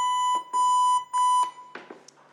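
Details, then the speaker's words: Steady electronic tone broken into repeated long beeps with faint handling noise at the end: AED trainer CPR prompt after shock delivery, giving 100 beeps for the rescuer to match chest compressions. "so after delivery of sock one has to give CPR so machine will give me 100 bibs and I have to match with the bip so this is the function of this"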